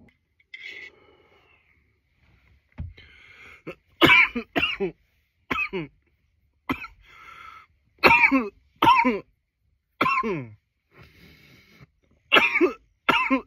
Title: nearly 10 minutes of coughing